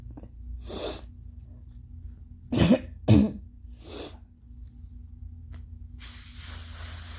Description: Just some more nose-blowing, along with wet, phlegmy allergy coughs.😫🤧